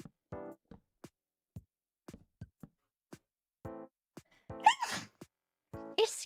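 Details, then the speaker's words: Adult woman gives a loud, forceful sneeze, partly held back, after a voiced intake among brief vocal sounds; she calls it a loud 'dad sneeze'. "his knees so loud why can't I have cute princess sneeze"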